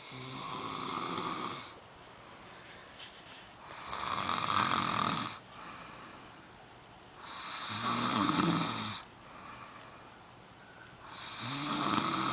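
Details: Man snoring during sleep, denies snoring: loud, rattling snores on each in-breath, about 16 breaths a minute, with quiet breathing out between.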